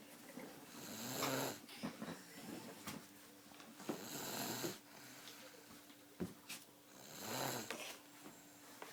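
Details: Max snoring in a stand-up toy: rough, noisy inspiratory snores, about 19 a minute, somewhat irregular, with some room noise.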